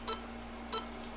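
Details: Biomed patient monitoring system 83 (SpO2, NIBP, temperature, ECG) during a demonstration: two short, high electronic beeps about two-thirds of a second apart over a faint steady hum; patient monitor beep.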